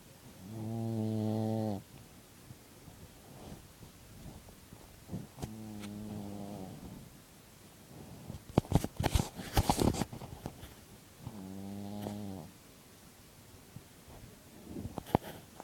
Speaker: That was my dog snoring.